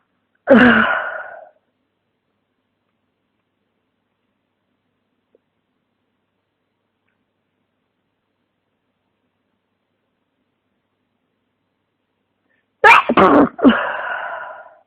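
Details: Person with flu and congestion, head pounding, sneezing: two forceful sneezes separated by a long silence, the second with a quick double burst.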